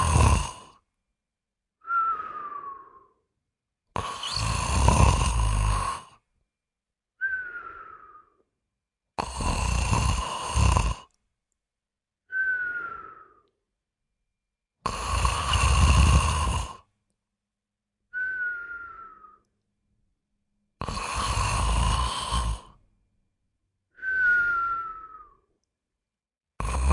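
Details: Joke recording, not serious: loud rattling snores on each in-breath alternate with whistling out-breaths, about 11 breaths a minute, in a comic style.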